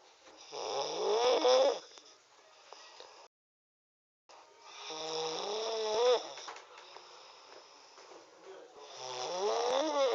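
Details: Snoring: slow, loud breaths with a rattling, rising whistle-like tone on each, with a brief dropout midway.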